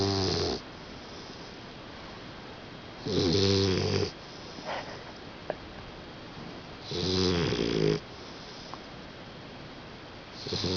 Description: my 4 month old puppy snoring